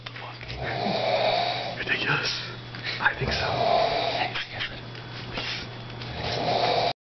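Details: A sleeping adult man snoring loudly at about 5:20 a.m.: rough, rattling breaths repeating every couple of seconds over a steady low room hum.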